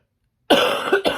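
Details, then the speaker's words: Adult woman with lingering bronchitis tickling her throat: a short burst of two harsh coughs. "Vraiment, je suis désolée. J'en ai marre. En plus, j'ai des vieux rêves de bronchite qui sont encore là. Donc, ça me chatouille la gorge et du coup, ça réveille les bronches."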